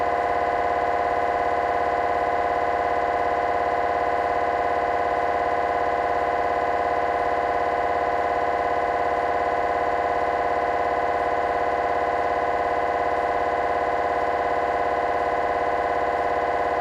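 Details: MRI scanner noise from a GE 3T scanner, temporal bone (Felsenbein) protocol, during a T1 fast spin echo sequence: continuous loud, rapid, perfectly regular buzzing drone, about 207 pulses a minute.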